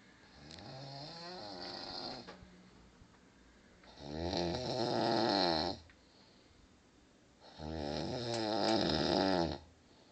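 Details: Brother snoring: three long, loud, vibrating snores, each about two seconds, with quiet pauses between; roughly 16 breaths a minute.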